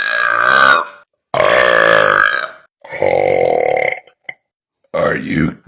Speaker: If you're disgusted by burps, I'm going to attempt to make you fascinated by burps.